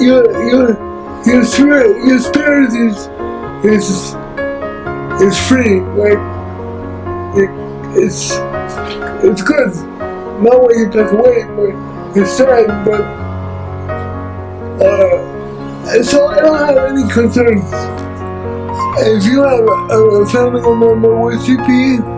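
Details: Dysarthric speech in an adult man with cerebral palsy who uses a wheelchair.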